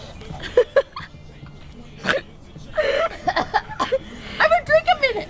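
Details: Hiccups after drinking a couple of beers, described as horrible: several short, abrupt voiced gulps mixed with breathy sounds.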